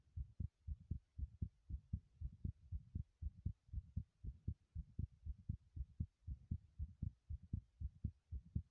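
Fast, regular heartbeat thumps in pairs, roughly 118 a minute, after running; a quickened heart rate with exertion.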